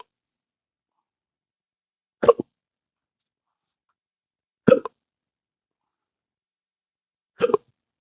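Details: Adult with intractable hiccups since December 2015 after surgery with nerve damage (pudendal nerve injection affecting phrenic and vagus nerves): three sharp hiccups about 2.5 seconds apart in a quiet room.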